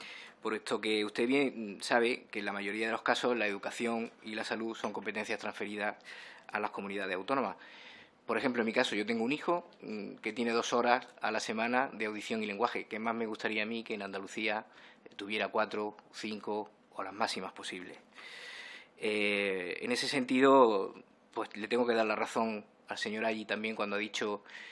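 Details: Adult male speaker; typical speech.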